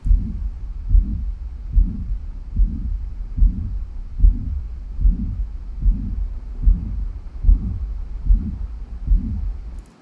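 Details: Teaching recording on pericardial and myocardial diseases: regular heartbeat about 73 a minute with a murmur filling systole from S1 to S2, plus an extra sound near S2.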